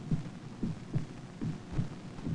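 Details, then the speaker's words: Normal heartbeat heard through a stethoscope at examination, from a nursing training film: steady, low, paired thumps, about 75 beats a minute, regular. "the sound you hear is the most important sound on Earth it is the sound of a heartbeat the sound of light this is what the doctor hears through a stethoscope at examination"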